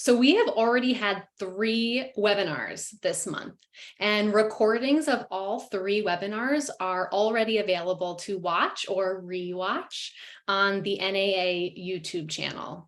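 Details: Adult woman speaking; normal speech.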